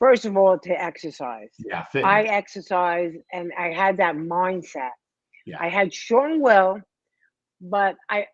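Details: Aphasia in a 57-year-old woman after a major ischemic stroke at age 45, 2011, affecting her right side and speech; she could not talk at first, and says speech is improving but worsens with emotion.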